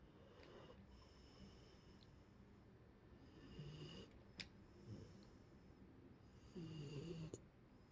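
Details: Sleeping Boxer dog snoring: quiet, irregular low snorting snores with a few louder rumbles among soft breathing.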